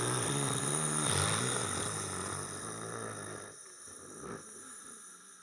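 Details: Loud, rough, rattling snore fading to quieter breathing, with steady background hum; recording tagged with sleep apnea.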